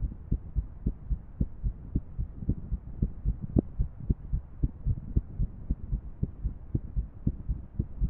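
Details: Irregular heartbeat at about 110 beats per minute with uneven spacing between beats and faint background hiss; female heart sounds paired with a 3D heart model animation.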